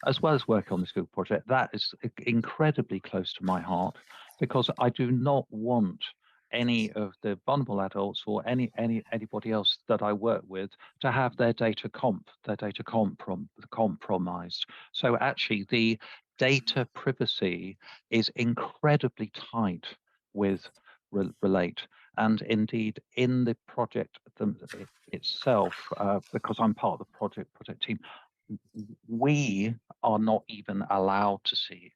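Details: Dysarthria (slurred speech) in a man who uses a speech-captioning app, heard after the captioning was switched on.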